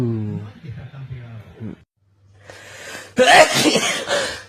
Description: compilation of loud male sneezes